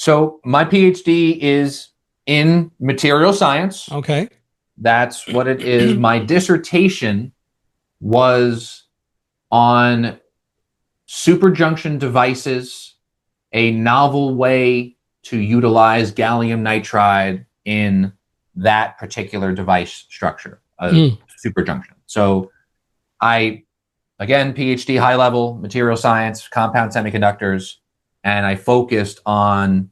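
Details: Adult man who has stuttered all his life, managed with speech techniques such as the airflow technique after speech therapy; stutter shows as vocal cord blocks; this stretch has repeated words; stuttering.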